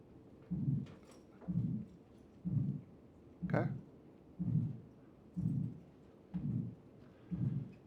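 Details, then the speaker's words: Regular heartbeat about 62 a minute with a harsh murmur between S1 and S2, with late, delayed peripheral pulses; the systolic murmur of aortic stenosis. "in between S1 S2 systolic murmur peripheral pulses are going to be late and slowed or delayed"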